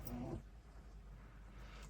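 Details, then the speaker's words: Dog asleep at the foot of the bed giving a brief, soft, low snuffling snore, then faint room noise; ordinary sleep snoring. "sorry KY sleep well she's snoring down at the foot of the bed you can probably hear her"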